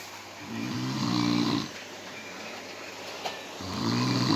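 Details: Two loud, rattling inspiratory snores separated by a quiet pause; ordinary snoring from a sound-effect recording.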